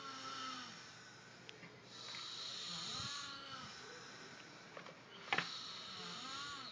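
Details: Two sleeping adults snoring at once, with rising and falling buzzing tones on each breath and a faint room hiss; snoring.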